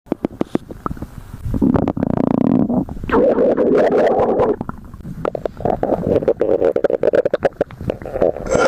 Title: stomach growling (:v)